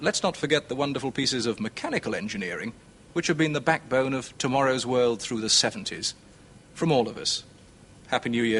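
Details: Adult male presenter; normal speech.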